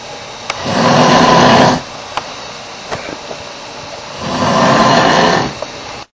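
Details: Long, rough, rattling inhalations separated by a quiet pause during sleep; very loud snoring.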